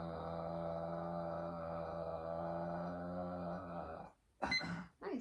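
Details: Adult male at a bedside swallow evaluation, seen for occasional acid reflux, holding 'ah' for 19 seconds (first trial), slightly below typical for his age; good breath support, mostly steady voice; sustained phonation (maximum phonation time task).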